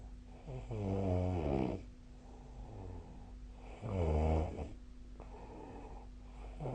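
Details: Sleep snoring recorded on 2025/01/20: deep, rumbling snores on each in-breath about every three seconds, quieter out-breaths between, steady background hum.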